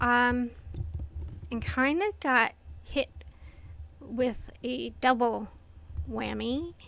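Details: Adult woman with inherited essential tremor affecting her vocal cords, diagnosed by a movement-disorder neurologist, plus medication-induced tardive dyskinesia from long-term antipsychotic use; vocal tremor.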